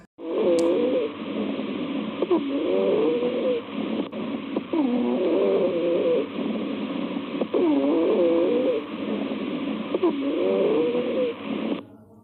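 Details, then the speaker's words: Rhonchi in bronchitis from airway inflammation (pneumonia also mentioned): low-pitched, snoring, rumbling breath sounds recurring about every 2.5 seconds as air passes through inflamed airways. "फिर उसे रास्ते की सूजन की condition की वजह से और उसमें से जब एयर पास होता है तो ऐसा साउंड सुनाई पड़ता है जिसको बोलते हैं यहां पर रोंग का साउंड और ये ब्रोंकाइटिस की कंडीशन है"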